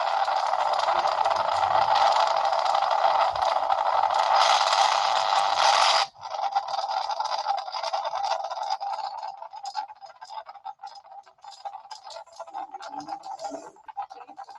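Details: Needle EMG audio guiding botulinum toxin injection in severe cervical dystonia caused by neuroleptics (Haldol); ground and reference electrodes at the clavicle. Dense crackling static thinning into rapid irregular pops from neck-muscle activity.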